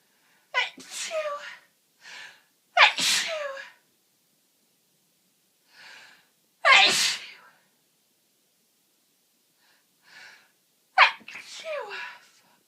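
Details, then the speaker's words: Adult with a cold, uncontrollable repeated sneezing and itchy nose: four forceful sneezes a few seconds apart, each with a short breath in and a loud burst of air. "Achoo. Achoo. Achoo. I am full of cold again."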